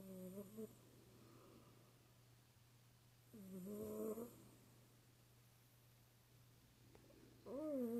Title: Cat snoring